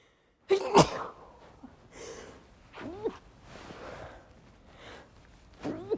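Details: One loud open sneeze, then several muffled, held-back chhinkni sneezes with quick catching breaths between; deliberate attempt to stifle sneezes, some slipping out.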